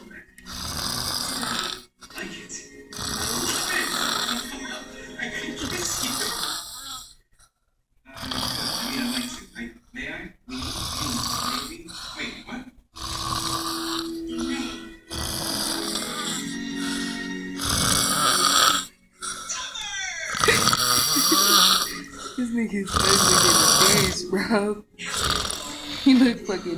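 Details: Loud, rough snoring in irregular bursts from a sleeping person, with some background sound mixed in.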